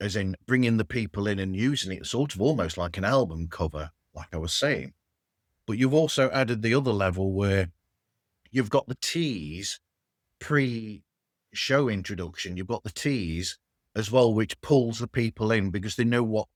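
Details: Adult man speaking; normal speech.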